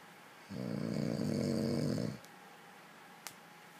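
One long, rough, fluttering snore lasting about two seconds in a quiet room.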